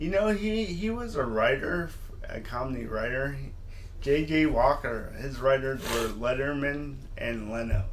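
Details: Adult man, a comedian and father of two teenage boys, born with cerebral palsy, who says he sounds like this all the time; dysarthria from congenital cerebral palsy.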